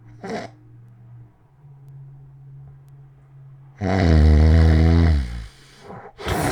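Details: Adult's own sleep recording from 2016, made overnight (11:09 p.m. to 6:20 a.m.): quiet stretch with faint low hum, then one very loud, deep, rattling snore over a second; extreme loud snoring, attributed to sleep apnea.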